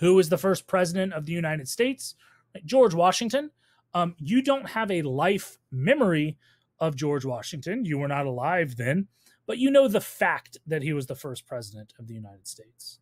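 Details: Adult speaker, lecture voiceover; ordinary speech.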